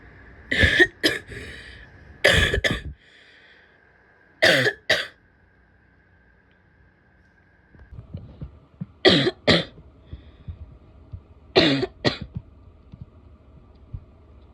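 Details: A female gives harsh, barky coughs in five short bouts of about two explosive bursts each, with quiet gaps between.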